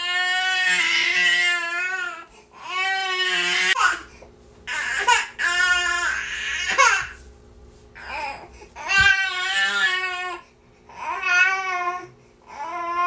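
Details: An infant, the recorder's niece, cries nonstop in repeated loud, high-pitched wails with brief gasping pauses between them.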